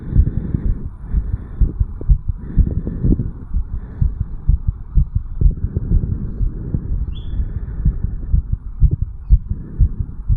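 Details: Rapid, regular heartbeat thumps at 160 to 180 a minute recorded at the mitral valve area in a 34-year-old male after jogging uphill: sinus tachycardia after exercise.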